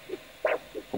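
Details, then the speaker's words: Normal arterial Doppler signal from a simple handheld Doppler ultrasound probe with coupling gel, aligned along an adult's blood vessel: a whooshing sound, one whoosh per heartbeat. "It's a whooshing sound. Whooshing sound. And there's one whoosh for each of your heartbeats."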